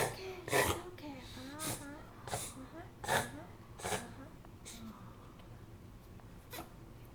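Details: A puggle (pug-beagle dog) has a reverse sneezing episode: repeated harsh, snorting inward breaths in a run of spasms while the owner soothes him and urges him to breathe through his mouth.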